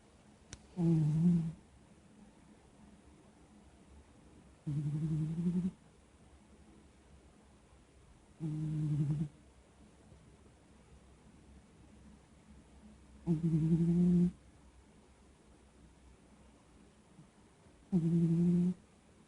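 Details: Sleeping pet snoring: five low, humming snores at about 14 breaths a minute, with quiet pauses between.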